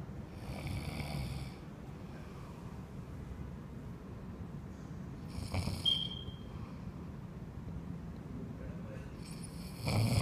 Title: Mexican immigrant snores on trump job